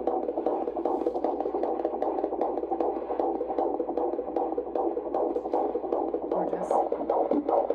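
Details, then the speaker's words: Fetal heartbeat on Doppler: rapid, regular whooshing pulses, about 150 beats a minute. "right here it's supposed to be double what ours is so it's at like 165 170."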